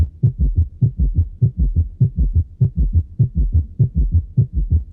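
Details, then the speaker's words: Teaching auscultation recording: regular, rapid heart sounds at about 100 beats a minute with a shortened gap between first and second sounds; tachycardia with shortened diastole. "Es una taquicardia, exactamente. Por eso es que se escucha así."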